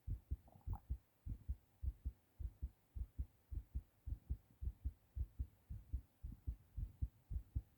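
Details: Adult male's own heartbeat recorded while sick, after a hard cough: strong, regular lub-dub beats at roughly 110 to 120 per minute; fast heartbeat (tachycardia).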